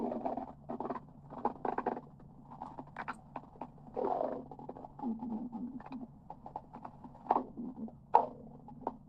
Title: my stomach growling for 38 second #17